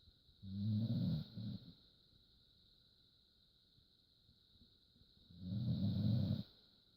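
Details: A sleeping dog snoring: two low, rattling snore sounds several seconds apart over a steady background hum.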